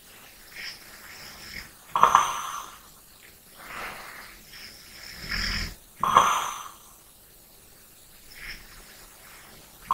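Soft snores with gentle breathing between them, roughly every four seconds, in a quiet room.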